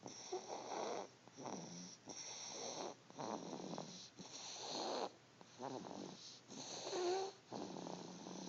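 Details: Baby snoring: repeated rattling snores with each breath, roughly 27 per minute, somewhat uneven in rhythm.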